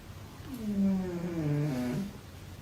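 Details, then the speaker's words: Snoring from Jean Bean, napping during the day, heard in the background. "I know y'all hear that snoring Jean Bean is taking one of his naps one of his many naps that he takes during the day"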